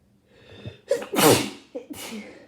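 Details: Adult with a cold: a quick inward breath, then two forceful sneezes in rapid succession; sneezing.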